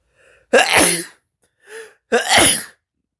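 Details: April Fools sneeze clip, person says it tickles badly: two loud, sharp sneezes, each after a short breathy intake, with a faint sound between them; sneezing.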